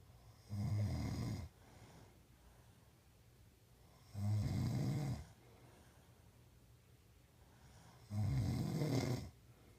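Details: Adult man (a father) snoring: deep, rattling snores on each breath in, about 16 a minute, with quiet breaths out between.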